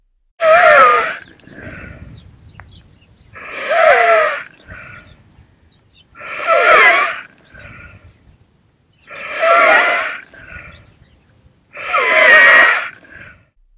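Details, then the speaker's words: Inspiratory stridor heard without a stethoscope: a loud, harsh, high-pitched continuous musical sound with each breath in, about 21 breaths a minute, a sign of airway obstruction. "stridor is a high-pitched continuous musical sound with a harsh grating like quality it most commonly occurs during inspiration and the sound we have just heard was an inspiratory stridor"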